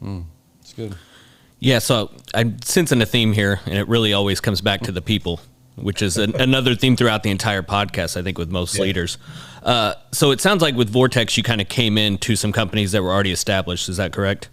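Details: Adult male speaker; typical speech.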